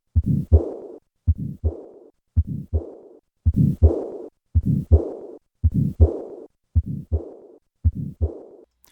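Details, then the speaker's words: Tetralogy of Fallot: slow regular heartbeat about 55/min, normal sounds then mild residual subpulmonic stenosis systolic murmur, then added pulmonic insufficiency diastolic murmur, rushing murmur trailing each beat. "I will start with normal heart sounds and then add the systolic murmur of subpulmonic stenosis and finally a diastolic murmur of pulmonic insufficiency"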